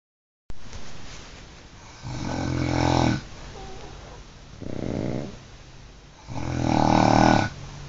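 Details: Two sleeping dogs snoring together, recorded on an Android phone: rattling snores on each breath in, with softer sounds between.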